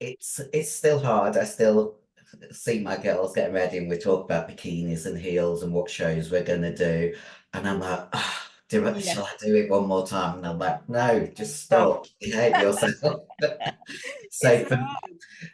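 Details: Adult female bodybuilder who took large doses of male steroids (performance-enhancing drugs); voice, formerly very high-pitched, became very deep and she can no longer sing; also has chronic kidney disease: androgen-induced voice deepening (virilization).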